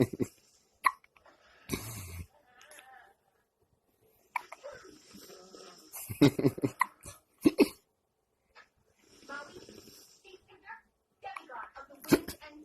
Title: Hiccup baby